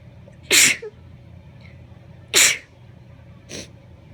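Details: Allergy sneezing in a female, triggered by a pumpkin patch: two full, forceful sneezes and a smaller stifled one.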